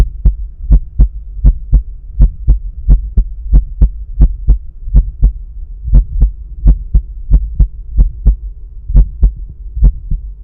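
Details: Crisp, regular paired heart sounds at about 80 bpm over a low hum, heard with a stethoscope at the pulmonic area during breath holds, with a visible carotid pulse; normal heart sounds.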